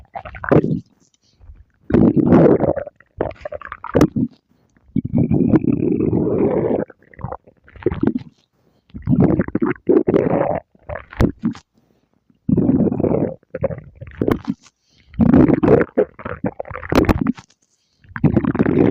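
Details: Repeated loud gurgling and rumbling bursts with short pauses between them; stomach growling (borborygmi).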